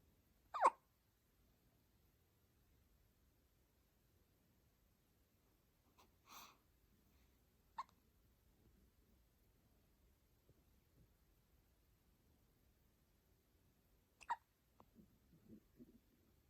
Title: Newborn baby Hiccups